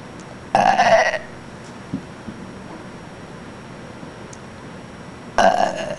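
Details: Woman belching on purpose: two loud, drawn-out voiced belches about five seconds apart in a quiet room.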